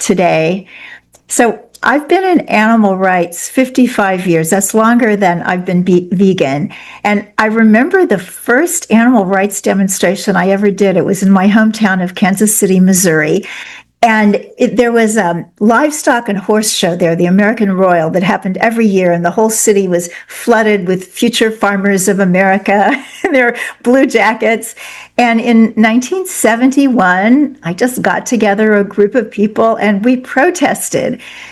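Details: Adult speaker; normal speech.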